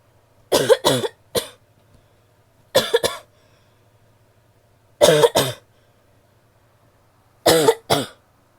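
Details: Female coughing: four bouts of two or three harsh coughs each, spaced a couple of seconds apart in a quiet room.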